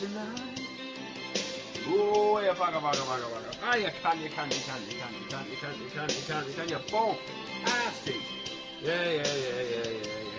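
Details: Vocal tics of Tourette syndrome while singing karaoke: involuntary swearing and exclamations interrupt the song lyrics.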